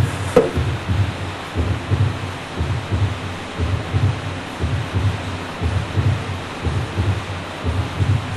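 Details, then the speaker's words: Normal human heartbeat played as a teaching example: soft, regular paired low lub-dub thumps at about 65 beats per minute over steady hiss; normal heart sounds. "这边有两段心音哦，播放给大家试试看。"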